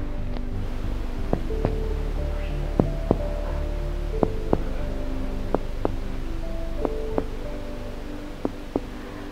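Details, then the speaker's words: Chest percussion down the right midclavicular line, from top to bottom, to find the lung-liver border: a series of finger taps whose note shifts from resonant (lung) to dull (liver). Resonant-to-dull percussion change. "Maka ketika menentukan batas paru hati, ada perubahan suara dari sonor menjadi redup."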